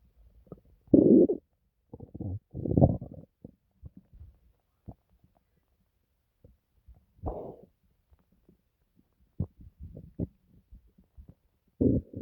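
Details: Irregular gurgling and rumbling bursts from a person's stomach, some very quiet: ordinary bowel sounds (borborygmi).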